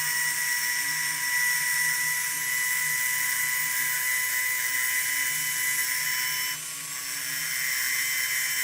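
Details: Steady high-pitched whine of a rotary tool running continuously, briefly dipping near the end, burnishing and hammering the edge of a copper piece during a jewelry-making class.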